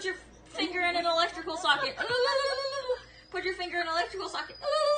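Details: Person on olanzapine in a sudden severe tic attack while watching a movie, service dog lying on them to calm it; vocal tics.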